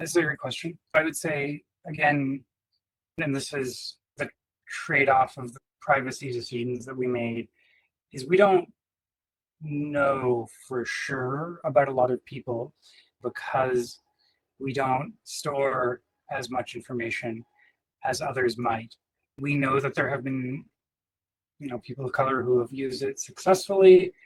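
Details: Adult man speaking; typical speech.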